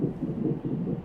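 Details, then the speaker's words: Hospital labor of a woman with baby #3, after Cervidil and Foley balloon, having contractions: rapid, muffled whooshing fetal heartbeat from the labor monitor in the background; fetal heartbeat on monitor. "These that you can hear the heartbeat in the background, but the contractions,"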